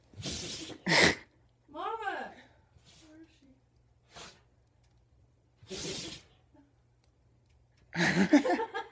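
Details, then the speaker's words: Dog sneezing, owner suspects something in his nose: several short, sharp nasal bursts a few seconds apart, with quiet snorts and a brief whine between; sneezing. "got something up your nose. Something in his nose. Poor guy."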